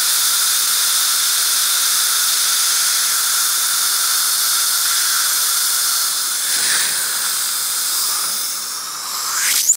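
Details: Solea dental laser running during a dental procedure: continuous high hiss with steady whistling tones and a brief squeal near the end, with suction.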